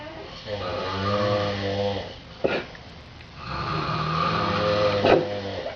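Loud, rough, rumbling breaths on each inhalation, repeating in a slow rhythm; heavy snoring.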